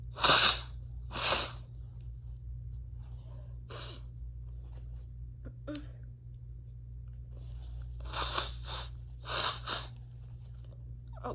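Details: Sneezing provoked by a grass/chhinkni mistake: a run of sharp, explosive sneezes, about six bursts, some in quick pairs, over a steady low room hum.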